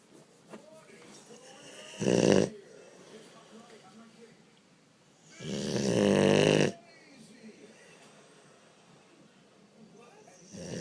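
Loud, rough, rattling snores on the in-breath, separated by quiet out-breaths, in a dog sleeping soundly.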